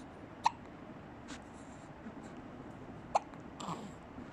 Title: Hiccups Time